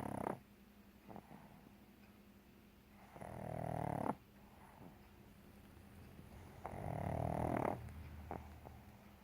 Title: Pug snoring